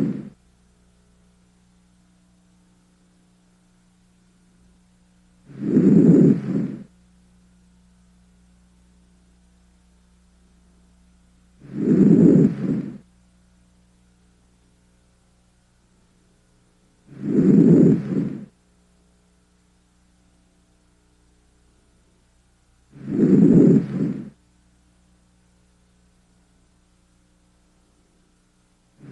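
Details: Anterior chest auscultation by stethoscope during an exam, patient turning head and breathing deeply: soft, low rushing breath sounds, about 10 deep breaths a minute, with no added sounds; normal breath sounds.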